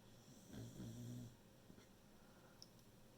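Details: Tired beagle asleep at home: one low, rumbling snore over quiet room noise, then softer breathing; ordinary dog snoring.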